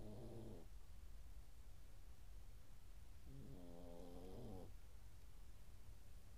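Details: Dog snoring: two rumbling, buzzy snores over a steady low background hum.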